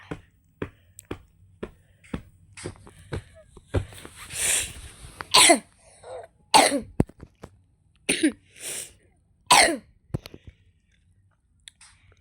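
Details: Repeated short, harsh cough bursts with brief pauses, from a child who says they are sick with a slight fever and a runny nose, in a quiet room; cough.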